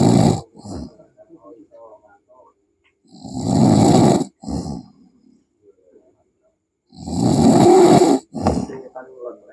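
Loud, rough snores sound on each breath in, roughly 16 breaths a minute, with quiet pauses between; typical heavy snoring.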